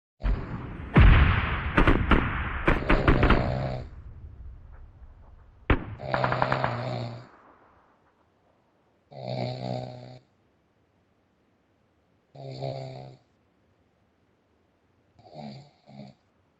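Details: Big, heavily built adult man (uncle) snoring in sleep: loud, heavy, rumbling snores at first, then a run of shorter, softer snores with pauses between.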